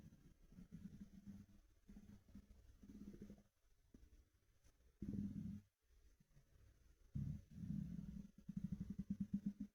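Low, quiet gurgling and rumbling in irregular bursts, muffled by fabric; normal stomach rumbling from an empty stomach.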